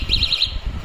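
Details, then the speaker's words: Linear motion steadiness tester for eye-hand coordination, with timer and repetition counter: the handle is rotated along a rod without touching it, and contact triggers four quick high-pitched electronic beeps, the touch alarm. "your task is to rotate this this handle without touching the rod when you touch it you will get an alarm"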